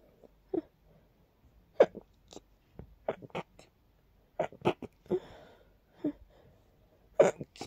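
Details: Several soft, short sneezes with breathy bursts, a few in a quick run, after cleaning a long-neglected, very dusty part of a room; dust-triggered sneezing.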